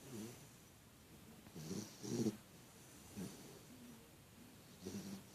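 Short, irregular snorting snores with a nasal, wheezy edge over steady background hiss. Animal snoring.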